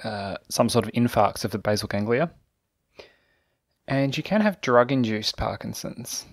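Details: Adult narrator; normal speech.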